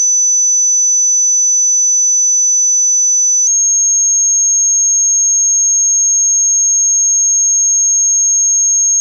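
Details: Pure-tone hearing test tones, each played for 8 seconds at constant loudness, stepping from low to high frequency as in audiology testing: a steady high-pitched tone that steps up slightly in pitch partway through.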